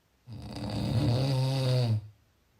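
A single loud, low, rattling inhaled snore lasting under two seconds.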